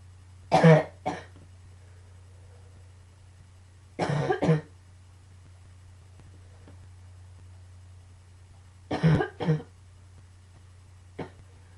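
Paired harsh coughs in three bouts, then one short cough, about seven in all, over a steady low room hum: a coughing fit.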